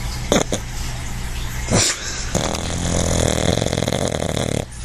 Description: My dog, Quincy, trying to have a little nap. He is a big time snorer and I've been waiting for the right time to get a video of it.